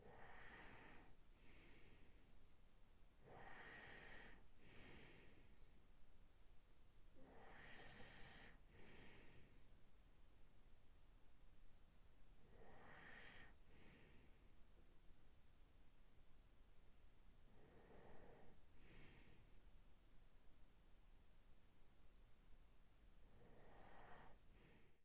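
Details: ASMR recording of a sleeping adult boyfriend under covers: slow, rough, snorting breaths about 14 per minute; ordinary snoring.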